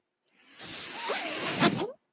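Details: Noise of the podcaster's own mechanical ventilator heard in background during speech; mechanical ventilator breath cycle.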